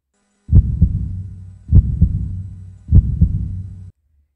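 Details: Steady lub-dub heartbeat about 50 beats a minute, crisp first and second sounds with no extras, illustrating the cardiac cycle; normal heart sounds (S1 and S2).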